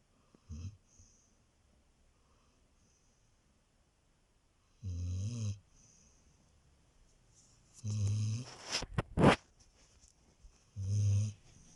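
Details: Husky snoring while asleep: loud, low, fluttering snores repeating on each breath in, with a few sharper snorts between.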